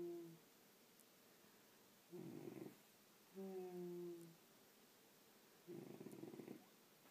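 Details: Quiet, low rumbling breath sounds about every 3 seconds, alternating with a tonal hum; soft snoring.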